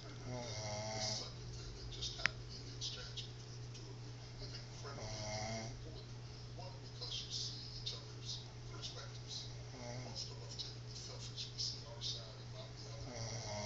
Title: Who's Snoring???